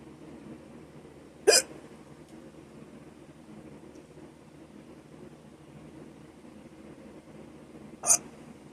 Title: Short hiccups - audio only